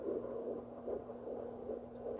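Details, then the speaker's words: Rapid soft whooshing pulses, about 150 a minute, over a steady hum, distinct from maternal/placental blood-flow sound: fetal heartbeat on home fetal Doppler at 11 weeks, third pregnancy; device not calculating the rate. "it's not calculating and I know that's the heartbeat because it was different from the other sound"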